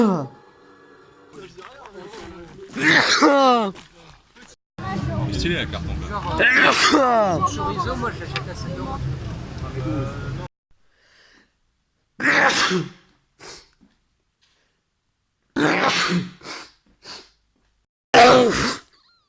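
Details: A run of sharp explosive sneeze bursts separated by pauses, with a stretch of louder noisy sound in between; part of a long run of repeated sneezes.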